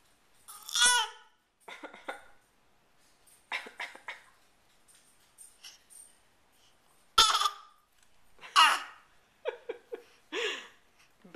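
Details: Six-month-old infant making a few short, voluntary cough-like bursts to communicate, mixed with babbling and giggly vocal sounds.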